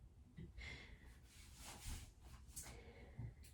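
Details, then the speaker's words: Faint, irregular snorting breaths over a low room hum: a cat snoring while asleep in the next room, picked up in the background. "i'm sorry if you can hear my cat snoring in the background he's sleeping in the room next to me i can hear him but i'm not sure if he can but i'm sorry if he can"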